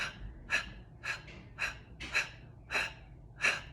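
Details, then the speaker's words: An adult demonstrates a huff for sore throat and coughing from allergies or colds: seven short, sharp, breathy exhalations with the belly drawing in, used instead of throat clearing to spare the vocal folds. "as you exhale if you have to clear your throat make it more like a where the belly comes in"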